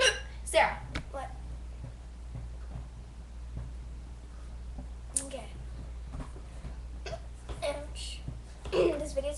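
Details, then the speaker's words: Hiccups, said to be usually louder: several sudden, sharp, gulping hiccups at irregular intervals, with quiet talk and room hum between. "hi guys I have the hiccups um they're usually louder than that"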